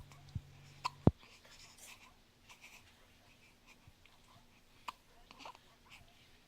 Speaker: Say, help me. I got hiccups. Say, help me.